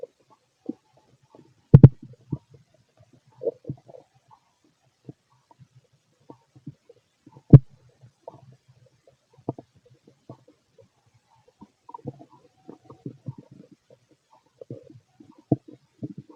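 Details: Fit adult male's stomach while digesting: scattered soft gurgles and clicks with a few louder pops over a quiet background; ordinary active bowel sounds.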